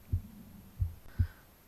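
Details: Heartbeat recorded on the left side of the chest: soft, low thumps with a faint steady hum behind.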